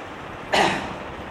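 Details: A single short cough or throat-clearing burst over light background noise, recorded during a school students' stethoscope gadget demonstration.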